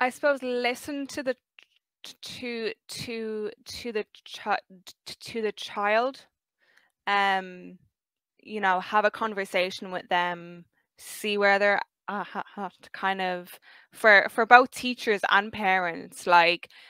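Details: 23-year-old who has stuttered since about age five; stuttering.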